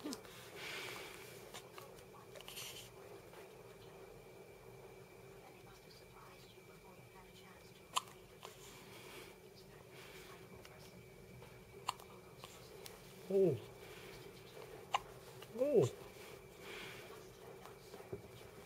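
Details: Infant (baby) hiccups: two brief, sharp voiced catches a couple of seconds apart over low room noise.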